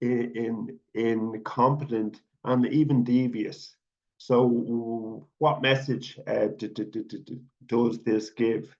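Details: Adult man, self-identified person who stutters and stuttering advocate, speaking at a public event; stuttering.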